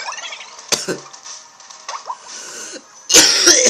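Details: Single short cough followed by throat clearing in a person who says they are sick, recorded while playing a video game, with game sounds and music in the background.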